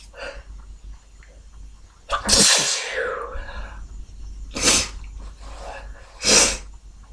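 A sniffle, then three loud, open sneezes with sharp hissing bursts; ordinary sneezing.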